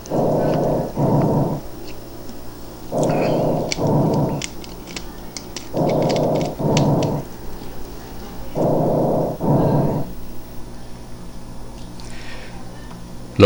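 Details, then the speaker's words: Tracheal breath sounds heard over the larynx, trachea and main bronchi: loud, harsh, hollow inspiration and expiration at about 21 breaths a minute, produced by turbulent airflow through the glottis; auscultation teaching example. "ese es el ruido que escucharíamos nosotros y auscultar amos sobre la laringe sobre la tráquea sobre los bronquios mayores"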